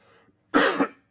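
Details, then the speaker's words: Adult man overcoming a cold, throat strained while speaking on a live show: one forceful, rough cough with a brief second push at the end. "also you will hear me coughing and like that because I am overcoming a cold"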